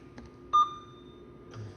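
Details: Dräger Primus anesthesia ventilator alert beep during a machine demonstration: a single short electronic tone, followed by a long fading ring, over quiet room noise.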